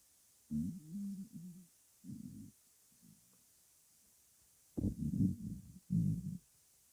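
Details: Woman's stomach growling (borborygmi) while hungry before eating breakfast.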